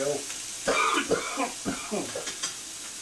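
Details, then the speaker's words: Short run of rough, throaty coughs from an adult, self-described smoker's cough, over steady frying sizzle while cooking. "Ignore my smoker's cough."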